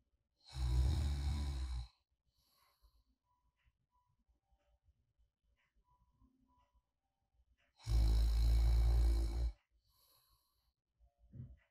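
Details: Light snoring ASMR, like a friend sleeping soundly beside you, made after a sleep apnea oral appliance user slept too quietly; two long, deep, rattling inspiratory snores separated by several-second pauses: snoring.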